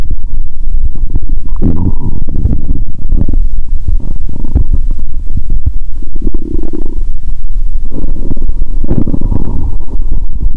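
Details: Stethoscope over the upper stomach after drinking cola with Mentos. She feels full and has burped. Low, muffled gurgles and rumbles in several bursts over a steady hum. Active bowel sounds (borborygmi).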